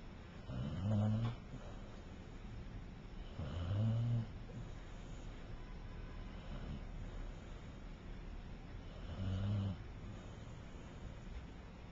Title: Gently snoring, and still more entertaining than most Hollywood movies